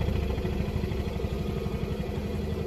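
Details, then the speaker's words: Hillrom high-frequency chest wall oscillation vest slowed to 10 Hz during airway clearance chest physiotherapy: fast, steady low rumbling pulses like an idling engine, visibly vibrating the chest. "And then you can see that visually on the patient there how a uh 10 hertz uh is looking and vibrating the patient's chest."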